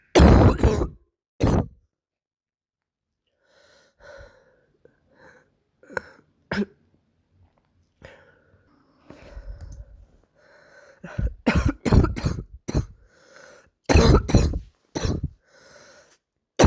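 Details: Girl with a barking cough of unknown cause: repeated harsh, explosive coughs in clusters with quieter breaths between; poor recording quality.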